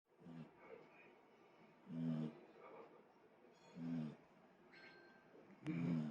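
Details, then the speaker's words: Snoring that grows steadily louder, with snorting "buho" sounds, from Muu, a pet dog deeply asleep after lunch in an air-conditioned room: snoring. "※どんどんいびきが大きくなっています※"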